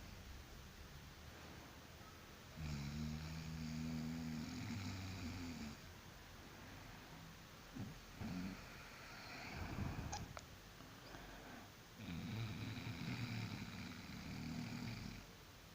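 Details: Person snoring after work: two long, low, rattling snores on the in-breath about nine seconds apart, with quieter breathing and faint snorts between; ordinary snoring.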